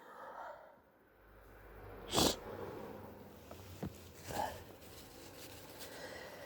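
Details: Person with suspected hayfever plus a cold, sore throat, blocked and itchy nose, mouth breathing: a sharp sneeze burst, then a shorter snort and a wet nasal blow.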